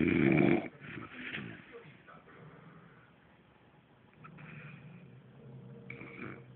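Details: Loud snoring from a sleeping man, likened to a pig: a loud grunting snore opens, followed by quieter rough breaths.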